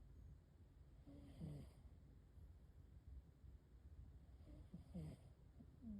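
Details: A sleeping cat's soft, low, rhythmic snores, with a slight whistling edge on each breath; ordinary feline snoring.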